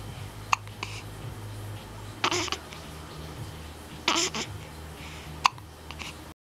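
Sharp, brief hiccup sounds recur at irregular intervals over steady room noise, with soft voice sounds between; repeated hiccups.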